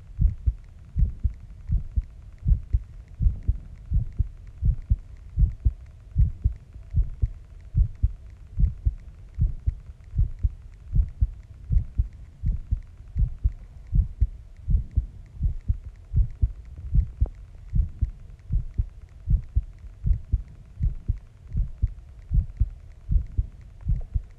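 Steady, regular low heart thumps at about 78 beats a minute, a normal resting heartbeat.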